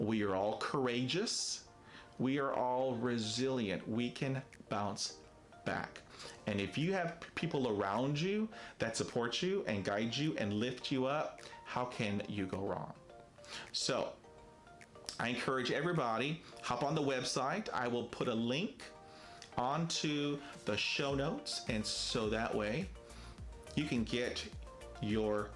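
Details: Stuttering in an adult man who describes himself as a person who stutters, with many prolongations, blocks, facial tics and effortful speech.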